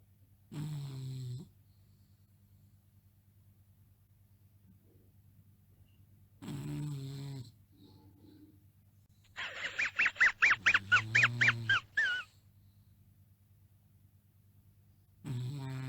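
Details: Deep rattling snores from a sleeping bulldog, separated by long pauses, with a rapid wheezy cartoon dog chuckle dubbed in midway.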